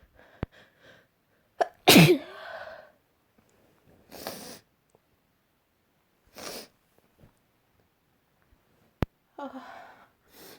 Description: working with wood and dust : finally back home I sneezed a lot 🌳🌲